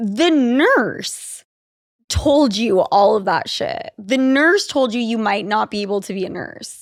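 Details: Adult speaker; typical speech.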